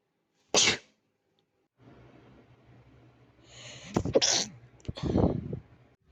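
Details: Repeated allergy sneezing: a sharp sneeze, then breathy build-ups of inhalations leading into further breathy sneezes.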